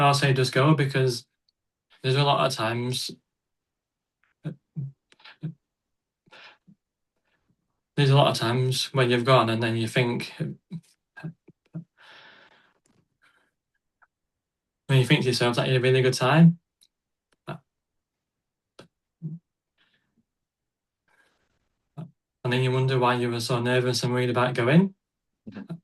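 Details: Adult man who stutters: stuttering.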